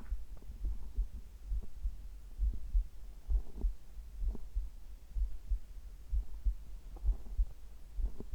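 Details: Recording of a person's heart and bowel sounds captured at the same time: steady low heartbeat thumps at about 65 a minute with simultaneous bowel gurgles.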